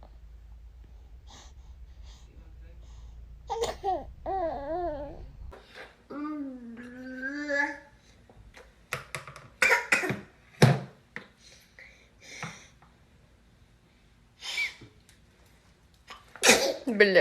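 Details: Infant coos and babbles, then gives short, sharp sneeze bursts, followed by cute little sounds; ordinary baby sneeze.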